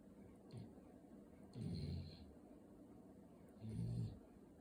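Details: Sleeping puppy snoring: soft, low snoring breaths, about two in under five seconds, against steady room hiss.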